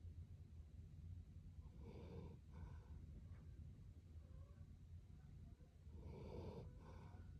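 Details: Two loud, rough snoring breaths against a steady low hum, with quieter breathing between; unexpectedly loud snoring.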